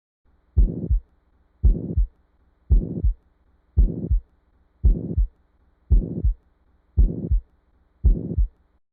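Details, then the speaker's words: Regular heartbeats at about 56 a minute, each with a steady burring, plateau-shaped murmur filling the whole of systole: pansystolic murmur of ventricular septal defect. "This presents as a pansystolic murmur, which essentially means that it occurs throughout the entire duration of systole."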